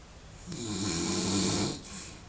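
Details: A single loud, rough, rattling snore lasting about a second, rising and then fading.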